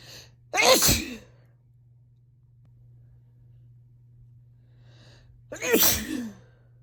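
Two loud explosive sneezes about five seconds apart, over a steady low hum.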